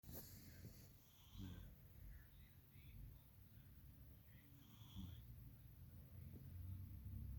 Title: Have you ever heard cat snoring? lol 😆🤣😸